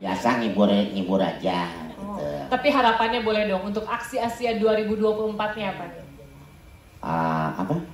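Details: Adult interviewer; Ordinary speech.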